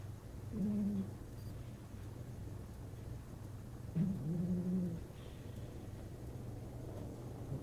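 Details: Snoring during deep sleep from an 8-year-6-month-old, with tonal breaths, some low, some rising to a higher note and dropping back.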